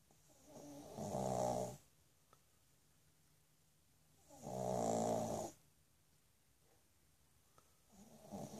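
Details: Pug snoring after playing with a dachshund: loud, rattling, buzzing snores on each breath, about 17 a minute, quiet between.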